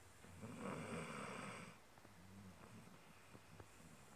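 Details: Female pet dog snoring while asleep: one soft, raspy snoring breath followed by quieter snuffling breaths; ordinary harmless snoring.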